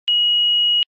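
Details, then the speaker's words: Philips HeartStart FRx AED power-on beep after the infant/child key is inserted and the green on/off button is pressed. A single steady high-pitched electronic tone under a second as it starts in infant/child mode. "to start the defibrillator press the green on/off button and follow the heart start fr X's voice instructions"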